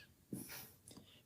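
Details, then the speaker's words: A single low, rumbling snort followed by an airy exhale from a sleeping dog in a small room: dog snoring. "try not to laugh because our dog is snoring behind us we have put our doggie producer to sleep did you hear the snore oh yes and i was trying to ignore him but he snores like he has a full-time job"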